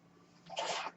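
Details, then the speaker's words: A man's own ventilator heard while he records a podcast: a brief rushing hiss of air after a quiet moment as the mechanical ventilator delivers a breath. "Hello, everyone. My name is. That noise you're hearing is my ventilator."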